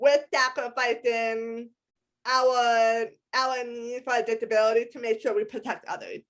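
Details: Adult woman with a lifelong disability and a self-described speech impediment despite a lot of speech therapy; some people have told her she sounds hearing impaired; speech impediment.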